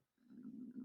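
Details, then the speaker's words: Stomach growling (borborygmi) picked up by a microphone sitting near the speaker's stomach during a conversation: a low, gurgling, wavering growl rising from silence and rumbling for under a second. "I don't know if you can hear my stomach growling cuz like my microphone is right down by my stomach. I apologize if you can. Like I don't have a monster in the room. It's just my stomach."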